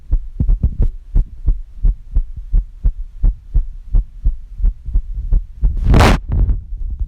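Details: Woman's heartbeat recorded with a phone app; her boyfriend says it doesn't always sound normal (possible irregular rhythm): dull thumps at about 87 a minute, some closely bunched, with a brief rustle.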